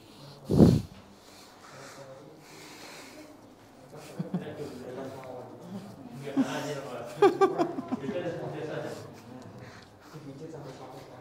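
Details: One sharp cough at the start, then quiet talk and a chuckle in a small room, during manual treatment of an adult man with a frozen shoulder lasting years.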